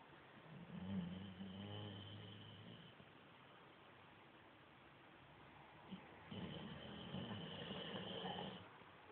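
Two rough, fluttering snoring breaths a few seconds apart over faint room noise; a sleeping dog's snoring.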